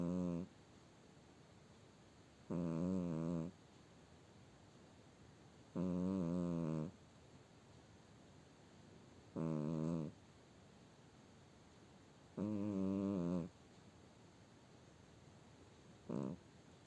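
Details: Cat with human-like snore: loud, regular snores on each breath, about 18 a minute, with quiet pauses between.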